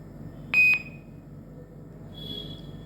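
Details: A single short, high electronic beep as a key is pressed on an INFUSYS-S syringe infusion pump during bolus setup (setting VTBI and time, then pressing enter), with quiet room noise; a normal keypress confirmation tone.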